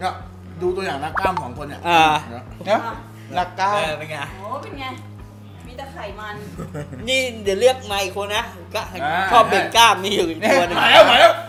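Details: Adult speaking Thai; stuttering.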